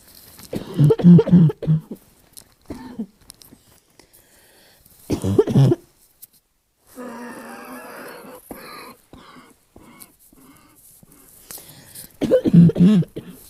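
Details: Asthma cough: harsh, deep barking coughing in bursts of several coughs with pauses between.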